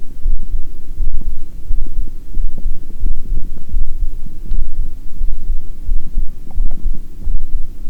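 Deep, muffled, steady thumping at about 86 beats a minute, with faint low rumbling from the stomach underneath.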